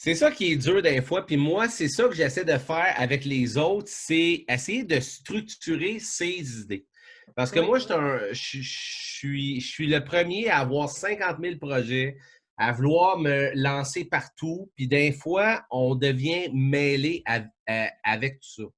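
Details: Stuttering in French in an adult man who stutters a lot in daily life but little on stage or in official situations; worse when tired or stressed.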